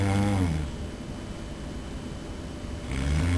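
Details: Person filmed asleep by a roommate, snoring loudly: low rattling snores at the start and end with a quieter breath between.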